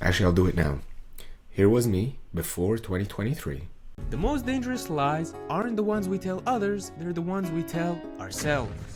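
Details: Adult male with muscle tension dysphonia diagnosed by an ENT via laryngoscopy around late 2022; muscle tension dysphonia.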